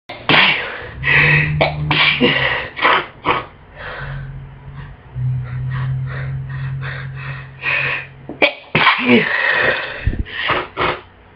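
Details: Repeated harsh, wet sneezes and sniffs with hoarse nasal catches between them: bad sneezing with a heavy head cold.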